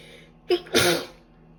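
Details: A short indrawn breath then one forceful, explosive sneeze from a woman on the second day of a common cold, unable to stop sneezing.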